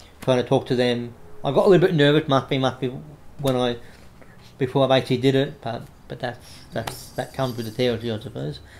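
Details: Adult man with cerebral palsy affecting the right arm and leg, diagnosed after severe meningitis in infancy; he reports a mild stutter he manages by calming down; audible word and phrase repetitions; stuttering.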